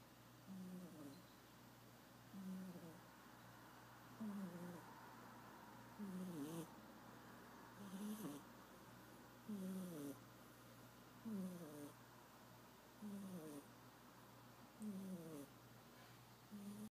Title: Black cat snoring